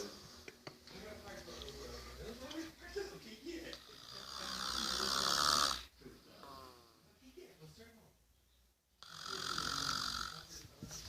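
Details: Harsh, fluttering breathing noises, two drawn-out and loud, with quieter rattly sounds between them; snoring.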